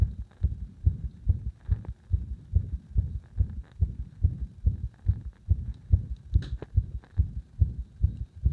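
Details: Steady, rapid low heart thumps, about 140 a minute, with some uneven spacing; arrhythmia induced by gradually increasing pressure on the heart.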